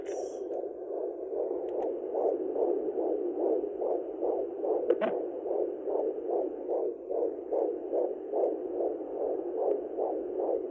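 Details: Home Sonoline handheld Doppler at 16+2 weeks of pregnancy, probe placed low just above the pubic bone: rapid, regular, galloping whooshing pulses at about 140 a minute, a fetal heartbeat.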